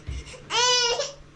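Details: A single short, high-pitched wailing cry from a young girl (toddler) at home while being told to go for her bath; ordinary fussing in a small room.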